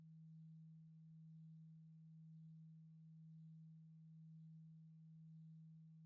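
A steady, faint, low pure tone held throughout, gently swelling about once a second: a simulated hearing test tone.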